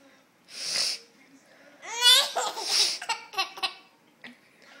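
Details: A single hissing sneeze from a parent with a cold, then a baby boy's bright, bubbly laughter in rising bursts.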